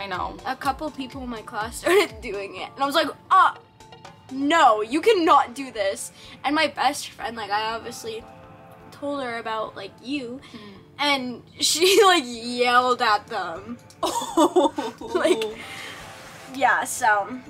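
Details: Young girl speaking; ordinary speech.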